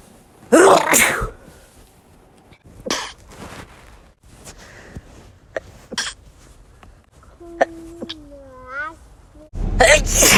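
A series of separate sneezes from different people, sharp explosive bursts of air with some brief voiced sounds between them.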